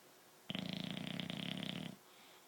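A dog gives one rattling, vibrating snore about 1.5 seconds long in a quiet room.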